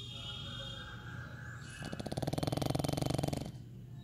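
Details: Pug sleeping: a loud, rattling, fluttering snore lasting about a second and a half after a quieter stretch; snoring in a flat-faced dog.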